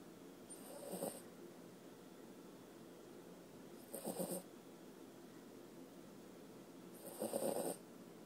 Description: sleepy mocha @mocha_thepup hear me snore around 2:00 :]